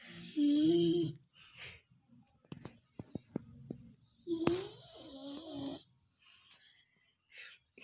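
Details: Sleeping Golden Retriever puppy making soft whimpers, little squeaky whines and muffled huffs with brief clicks: sleep vocalizations, typical harmless dreaming noises.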